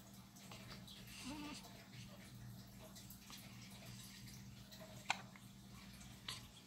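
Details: Hiccups of a 4-day-old baby boy, recorded 15 November 2019.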